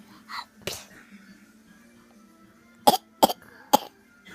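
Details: A young girl gives three short, sharp deliberate coughs in quick succession, a voluntary cough imitating her father's cough.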